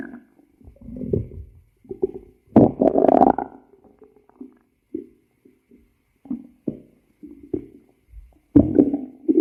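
Irregular low gurgles and rumbling growls from the belly, some long and some short; ordinary stomach growling.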